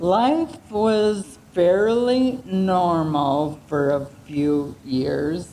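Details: Woman aged 75 with ALS diagnosed September 2024, with speech and voice changes and loss of her singing voice; dysarthria (ALS).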